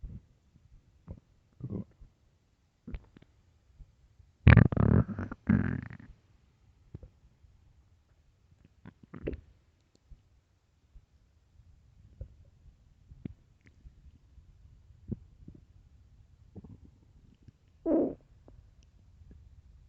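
Irregular low gurgles and rumbles with a few louder bursts, typical stomach growling on an empty stomach; normal bowel sounds.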